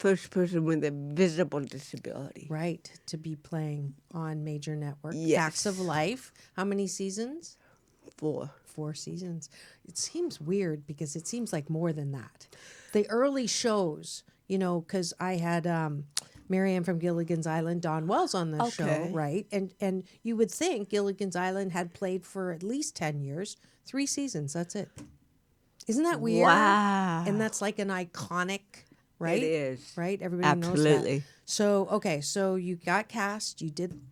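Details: Adult female speaker in conversation; normal speech.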